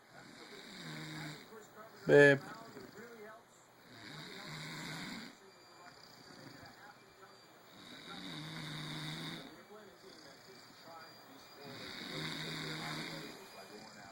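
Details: Adult woman (wife) snoring during sleep: steady, soft snores, about 17 breaths per minute, with a brief louder snort near the start.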